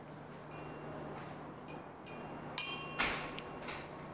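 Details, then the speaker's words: Several light metallic tuning fork strikes with clear ringing tone, tested on the left ear after the right; hearing normal, same on both sides, about 25–30 cm. "Kemudian kita cobakan pada tadi di telinga kanan, kita cobakan pada salah satu telinga yang lain yaitu sebelah kiri."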